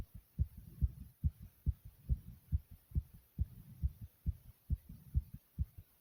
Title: Very Fast And Thumping Heartbeat Sound ❤❤❤